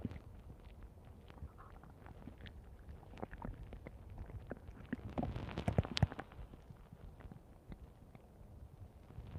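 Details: Stomach growling recorded over 3 minutes 5 seconds: faint, irregular low gurgles and clicks with a louder burst of rumbling in the middle.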